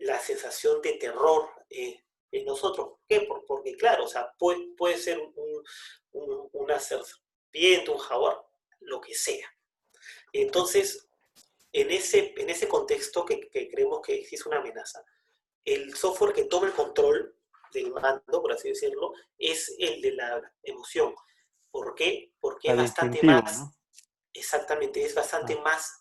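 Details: Person who stutters (self-identified), speaking in conversation; stuttering.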